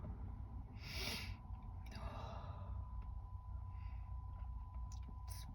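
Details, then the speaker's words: Woman sneezing while talking, feeling more sneezes coming after only a couple today: a sharp indrawn breath, then one forceful sneeze over a steady room hum; single sneeze. "I've only sneezed a couple of times today, but I feel like I'm going to do more."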